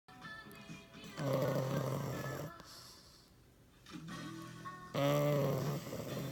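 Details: A dog snoring in loud buzzing bursts over quiet breathing, with music playing in the background.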